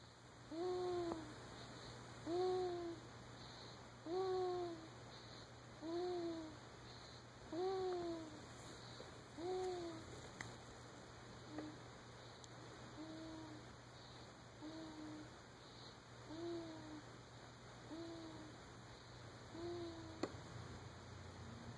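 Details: Healthy infant girl born in February, asleep in her bassinet at home: soft, squeaky, tonal snores with each breath, about 34 a minute; normal infant snoring according to her nurses and pediatrician.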